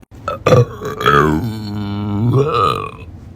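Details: A single long, deep, voiced belch lasting about three seconds in a quiet room, followed by groaning; ordinary burping.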